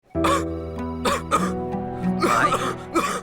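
About five harsh, dry cough bursts, acted by an adult, over sustained background music. An irritating throat cough.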